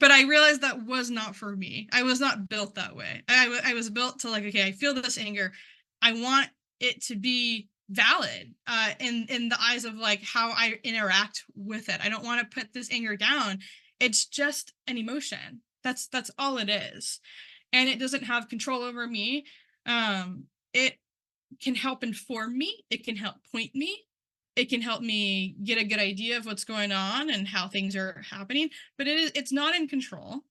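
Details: Adult man who stutters, speaking at a stuttering conference, involved in stuttering communities for about 10 years; word and part-word repetitions are audible; stuttering.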